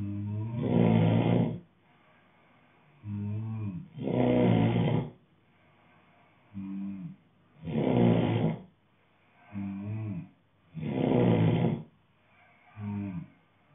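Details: Heavy regular snoring at about 17 breaths a minute: loud, deep, vibrating snores on each in-breath, with softer rumbling out-breaths between.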